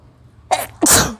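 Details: Single forceful hissing sneeze after a short indrawn breath, induced by sniffing pungent garam masala during a long sneezing challenge; one of about nine sneezes in a row.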